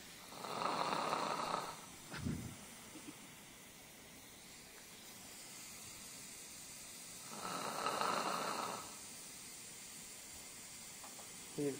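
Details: Snoring from a man in his 50s with hypertension asleep under intravenous sedation during upper implant and sinus floor elevation surgery: two long, rough inspiratory snores a few seconds apart with quiet pauses.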